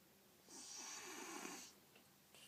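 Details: Sleeping individual (Lily), otherwise healthy with no cold or runny nose, makes one long, hissing, airy snore with a faint rattle and has pauses in breathing; obstructive sleep apnea is suspected; snoring.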